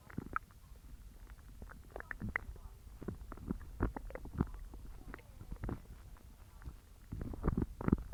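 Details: Bowel sounds (borborygmi).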